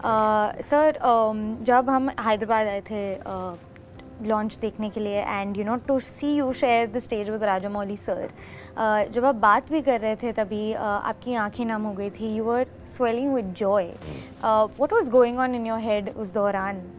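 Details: Adult woman; normal fluent speech.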